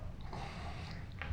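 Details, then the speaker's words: Snoring self-test: an imitated snore made with the mouth open, tongue stuck out as far as possible and bitten down on. A brief, soft, low rumbling snort that is quieter than usual, suggesting tongue-based snoring. "notice that the sound was lessened if that sound is less that means that your tongue was getting in the way and you like me are a tongue base nor"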